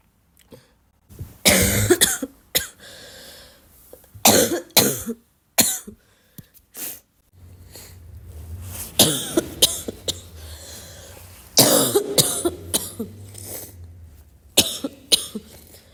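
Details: Congested barking cough: repeated harsh, wet coughs in clusters, with throat clearing.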